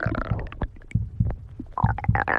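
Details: Low gurgling rumbles with brief squeaky, tonal bursts from an adult woman's stomach; ordinary stomach growling (bowel sounds).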